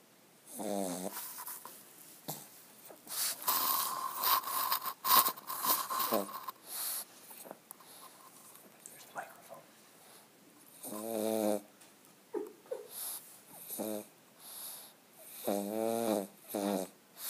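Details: Pug snoring while awake: repeated snorting, rattling breath sounds, some louder bursts, over a steady background tone; snore-like noisy breathing.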